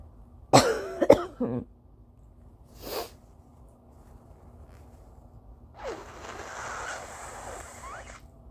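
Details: Early-morning (almost 5 AM) dry allergy coughing fit with nose-blowing and nose honks, some yawning; dry cough.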